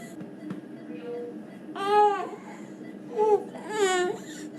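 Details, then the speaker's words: Young girl with croup, already given racemic epinephrine and likely steroids before transfer to a children's hospital: impressive seal-like barking cough with inspiratory stridor. "this young lady actually has a fairly impressive creepy cough and this kind of this seal-like barky barky coffins and some strider"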